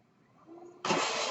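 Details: Mechanical ventilator sound from the speaker's own ventilator, heard while an adult born in the mid-1980s talks on a podcast recording.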